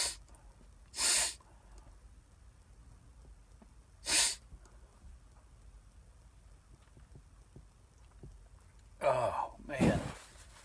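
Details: Sneezes triggered by sniffing cayenne pepper off a Q-tip, with burning sinuses and watering eyes: sharp hissing bursts with a forceful noisy expulsion near the end, part of a series of nine.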